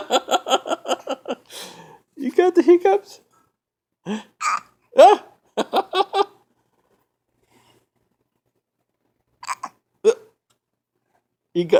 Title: Hiccups for fun